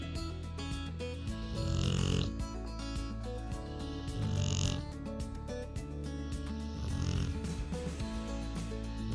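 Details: Rottweiler relaxing on a couch, recorded in real time: three slow, rumbling snores at about 20 a minute over background music; dog snoring.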